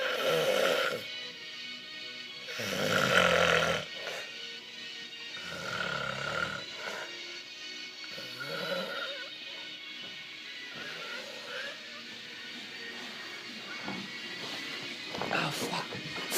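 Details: Staged snoring imitation by a performing duo at a birthday party show in Las Vegas: repeated loud, rough, rhythmic snoring sounds over music.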